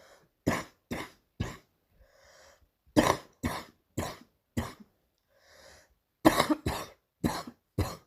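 About a dozen sharp coughs in three runs, separated by audible in-breaths; a repeated morning coughing spell.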